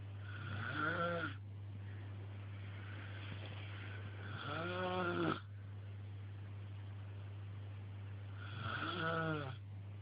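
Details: Snoring: rhythmic, rattling snores on each in-breath, about 15 a minute, over a steady electrical hum.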